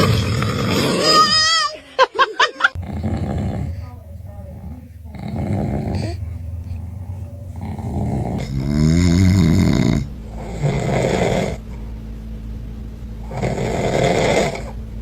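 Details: Father snoring with his baby reacting; loud, rough rattling snores recurring through the clip, with the infant's brief vocal reactions between them.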